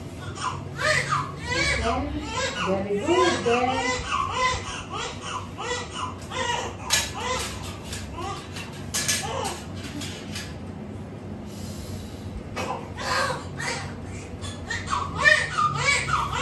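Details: Repeated high, wavering cries from a newborn just after delivery following a normal pregnancy, over the birth attendant's talk in the room; a normal newborn cry.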